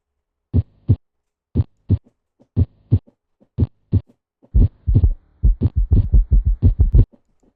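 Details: Paired low thumps at about 60 a minute, a steady lub-dub heartbeat heard through a stethoscope during a nursing physical assessment of the heart and neck vessels; heart sounds.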